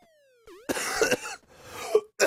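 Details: Adult male gamer gives two harsh throat-clearing coughs after a brief electronic game sound during play; cough.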